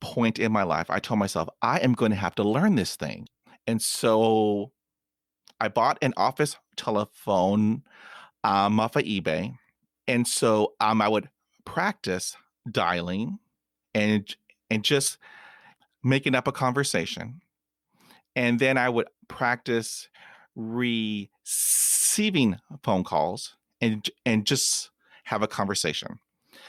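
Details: Adult man who stutters and practises telephone calls; stuttering.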